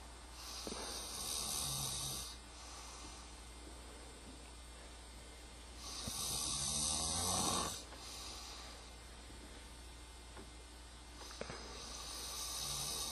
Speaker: Yeah, I'm recording him snoring.